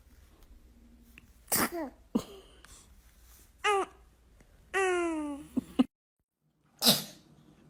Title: Funny Babies Sneezing - Funny Baby Video Compilation ! Baby World !